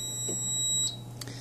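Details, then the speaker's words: AHP300 transport ventilator powering on: steady high electronic tone under a second, then a brief click, the power-on self-check before it starts ventilating at factory settings during initial programming. "the first thing you'll notice it'll go through a self check and then it'll start ventilating in whatever settings the ventilator was turned off in when it was shipped from the factory"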